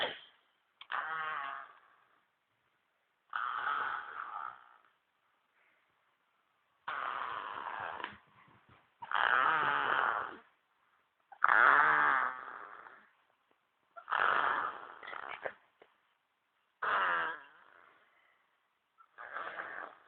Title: Baby snoring 1